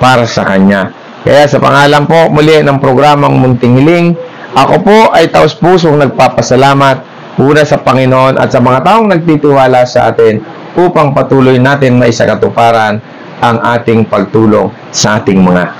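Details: Adult male host; ordinary speech.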